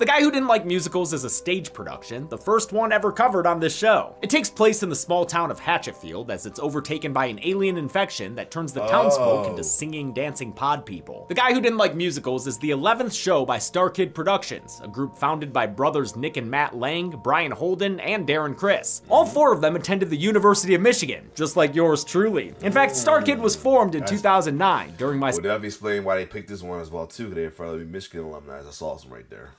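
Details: Adult male narrator, with a second man briefly interjecting; ordinary speech.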